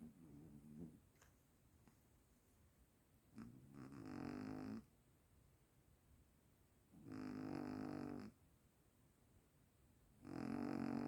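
Regular snoring, about four buzzing breaths roughly three seconds apart, with quiet pauses between them, in a small quiet room.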